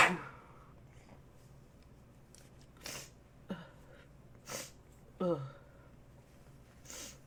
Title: Shivers and Sneezes